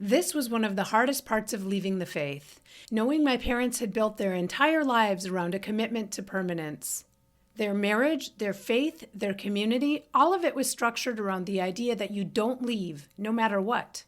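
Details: Adult woman; typical speech.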